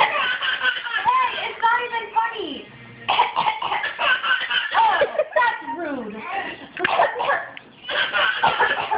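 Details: A child makes several deliberate, playful coughs, answered by an infant's loud, hysterical belly laughter; acted coughing, not illness.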